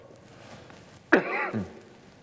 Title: Senator Can't Stop Coughing While Pledging "Our Nation's Commitment To Israel's Security"